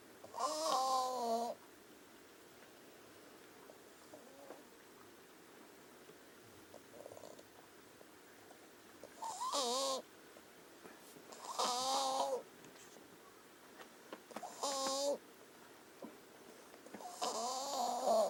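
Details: Wheezing in an animal named Helen: musical, whistling breaths with an airy rasp, a wheeze on each breath.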